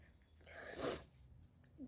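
One sharp sneeze: a quick indrawn breath, then a forceful burst of air through the nose and mouth.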